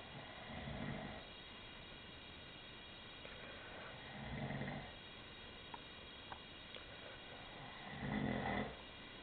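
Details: An adult man snoring during sleep, which he denies: soft, low snoring breaths about every four seconds, roughly 16 a minute, over a steady room hum.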